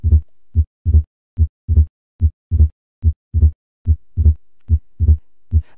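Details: Regular heartbeat near 72 a minute, heard over the pulmonary area, with a louder, split second sound: accentuated pulmonary component (loud P2) of S2 in pulmonary hypertension.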